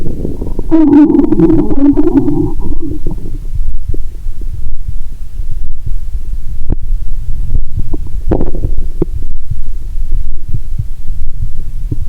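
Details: Stethoscope on own abdomen while lying down, after drinking cola and swallowing Mentos: a loud gurgling rumble early, then scattered clicks and gurgles over steady low noise; active bowel sounds.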